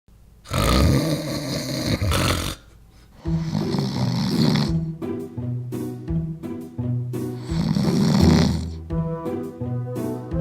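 Several loud, rough snoring breaths, roughly one every three to four seconds, over background music; ordinary snoring.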